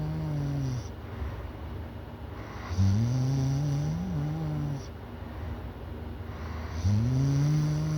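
Loud, steady snoring at about 16 breaths a minute, each breath a long, deep, buzzing rumble.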